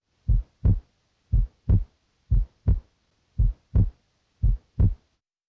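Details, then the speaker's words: Regular paired heart sounds at about 55 beats a minute, heard by stethoscope over the pulmonic area; the second sound splits toward the end of deep inspiration, a normal physiologic split S2. "In the pulmonic area, you normally may hear a split S2 toward the end of inspiration because deep inhalation prevents the aortic and pulmonic valves from closing at the same time. A split S2 sounds like this."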